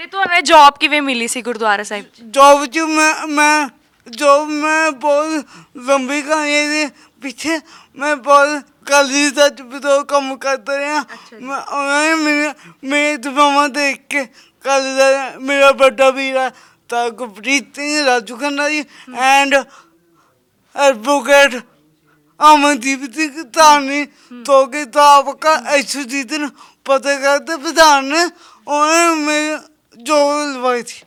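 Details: Young Sikh man with a disabled hand and a speech problem since birth; his mother cannot speak or hear; stammering with unclear speech.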